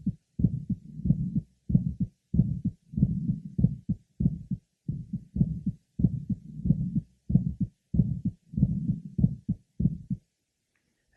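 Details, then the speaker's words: Aortic stenosis with aortic events well heard at the apex; auscultation at the aortic area, pulmonic area, left sternal border and apex, with an ejection sound noted. "our next patient with aoic stenosis shows the aoic events well heard at the Apex"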